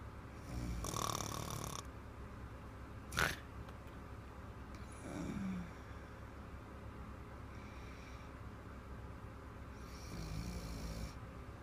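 Loud, rough snores on the in-breath, about three in twelve seconds, with a brief click between them; heavy snoring in a sleeping child.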